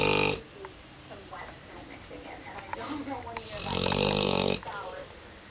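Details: Rough, fluttering snores from a sleeping dog, with a TV weather report playing in the background; snoring.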